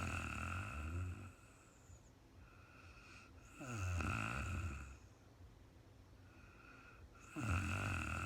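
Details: Woman snoring in real-time overnight sleep: soft, low rattling inspiratory snores roughly every three seconds with quiet pauses between; ordinary sleep snoring.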